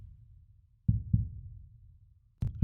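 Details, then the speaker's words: Background heartbeat sound in a relaxation hypnosis recording: two soft, low, slow, even lub-dub beats at roughly 40 a minute. "vous pouvez peut-être déjà sentir que les battements du cœur que vous entendez sont synchronisés avec vos battements de cœur vous pouvez sentir que chaque battement de cœur amène de plus en plus votre corps et aussi votre esprit"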